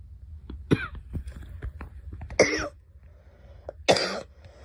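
A child gives three short, sharp coughs with quiet pauses between them; a plain dry-sounding cough.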